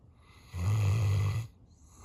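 A single deep, rumbling snore lasting about one second during sleep, with quiet between breaths. Ordinary snoring.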